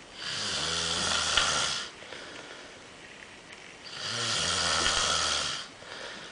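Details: Snoring: two long, loud, rattling snores on breathing in, each about two seconds, separated by quieter breathing out.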